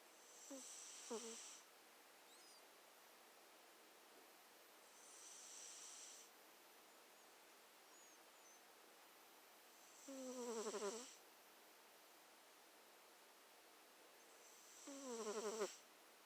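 Soft, faint snuffling snores from a sleeping cat, about four breaths in sixteen seconds, over steady background hiss; harmless sleep snoring.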